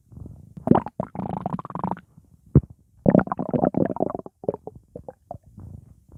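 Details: Stomach growling (borborygmi) from an adult's belly: low gurgling rumbles, a drawn-out bubbling growl and short squelching bursts.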